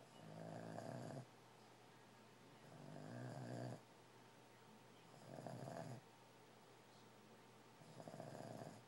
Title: Cuppy snoring